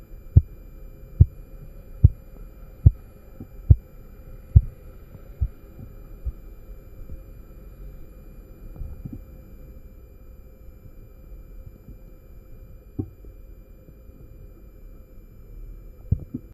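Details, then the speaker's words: Korotkoff sounds during blood pressure measurement by the indirect cuff method: sharp tapping beats at about 70 a minute that fade away as the cuff deflates. "el segundo es un sonido grave que se irá convirtiendo en un ruido más agudo y fuerte que sería está y se correlaciona con la presión diastólica"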